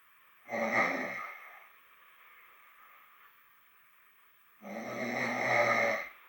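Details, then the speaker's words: Adult snoring recorded around 2:47 at night, growing more intense: two loud, rough, rattling inspiratory snores about four seconds apart, with quiet breathing and faint background hiss between. "Et je ronflais fort hein. 2h47. les brus sont de plus en plus intenses."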